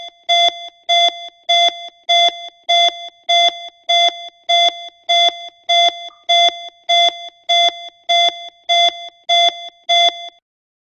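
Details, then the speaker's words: Regular electronic beeps at about 100 per minute from a talking CPR card stuck to the centre of the patient's chest, pacing compressions to one third of chest depth; CPR compression metronome beeps. "place your hands together on top of the card on the patient's chest push on the chest one third of the chest depth by following the beats"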